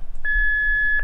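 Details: A single steady, high electronic beep of under a second from a training defibrillator (AED) during a demonstration, heard between voice prompts: after the prompts to place the pads on the bare chest and before the analysing and shock-advised prompts.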